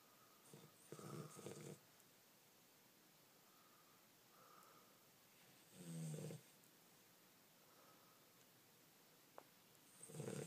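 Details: 11-week-old Cane Corso puppy snoring loudly while asleep: low, rumbling, fluttering breath noises in irregular bursts, roughly fourteen a minute, against quiet; snoring.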